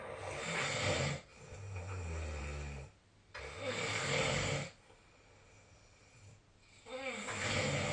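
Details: Sleep recording, possibly with the SnoreLab snoring app: loud rattling snores with each breath in, separated by quiet pauses, in a small room; snoring.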